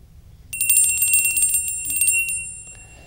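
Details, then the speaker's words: Normal 5-day-old male newborn in an awake quiet state during a neurologic exam: a bright bell rings for about two seconds, and he alerts and almost looks toward the sound; a normal newborn hearing response. "we can do the same thing with sound he alerts to that he actually looks almost towards the sound so it's a good response even responding to my voice"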